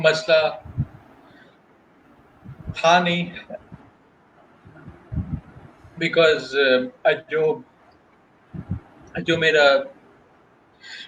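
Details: Adult male working professional who stutters, speaking spontaneously in Hindi/Urdu in a real interview, with audible word repetitions; stuttering.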